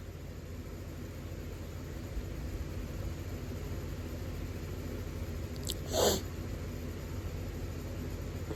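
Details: Person resting in bed with hay fever: single forceful sneeze, sharp inward catch then explosive burst, over steady background hum.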